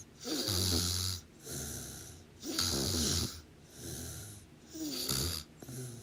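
Loud, rattling snores on both the in-breath and the out-breath, fairly irregular, about 28 sounds per minute.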